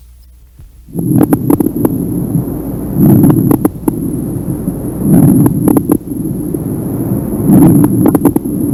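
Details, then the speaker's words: Coarse crackles in a lung auscultation teaching example: low, popping crackles through each breath, said to indicate airway secretions, to change with coughing, and to occur in inspiration or expiration. "bom acreditação grossa ela vai ter como característica ela indica secreção ea se altera com a tosse"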